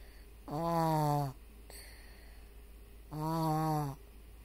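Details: Two short, tonal, whistling snores about two and a half seconds apart over steady room hum; snoring.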